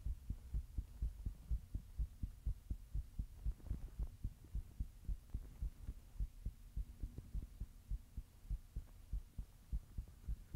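Steady low thumping heartbeat, roughly 60 to 65 beats a minute, with a faint background hum.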